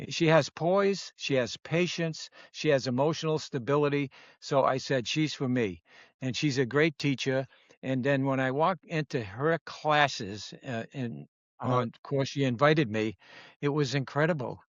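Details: Adult man speaking; normal speech.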